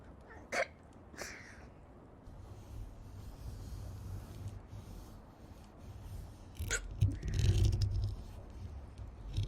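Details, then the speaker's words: Hiccups that started suddenly during an ASMR stream after breathing wrong: several short, abrupt catches of breath at irregular intervals against a quiet background. "No, I just breathed wrong and now I have the hiccups."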